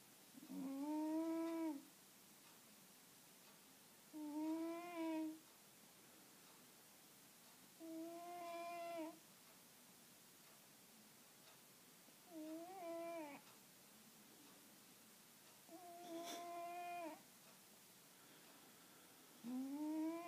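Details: A sleeping Siamese cat snores loudly: a tonal, humming snore on each breath, about 17 a minute.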